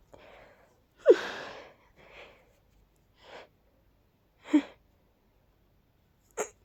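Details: Several pollen-induced sneezes in a row, one loud and forceful with softer ones between, from a person who reports being very allergic to pollen; repeated allergic sneezing.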